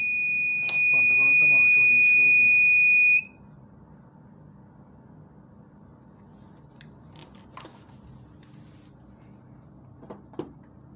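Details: Infusion pump under repair after a burst capacitor was replaced and burnt circuit traces were fixed. A steady high-pitched electronic tone for about three seconds, then stops. Infusion pump alarm on power-up, with Error 8 hardware shown.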